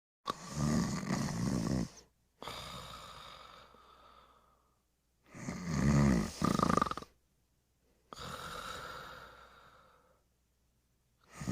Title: The Pink Panther Snoring and Smacking his Lips